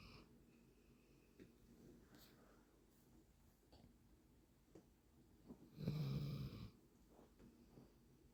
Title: My dog siris snoring(named after ninkasi's sister)